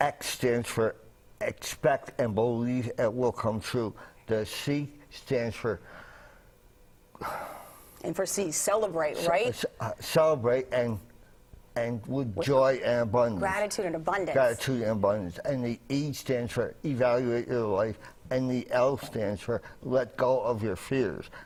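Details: Adult man with dysphonia after laryngeal injury: a trach tube, inserted by a medic on the way to hospital after a 1981 fire, damaged his voice box; also carbon monoxide poisoning, traumatic brain injury and coma, with speech relearned.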